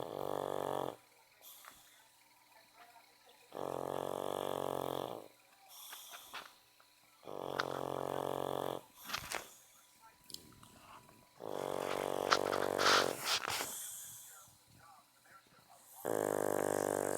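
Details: Pug dog snoring loudly: loud, droning snores about every four seconds, roughly 14 a minute, with snuffling between them.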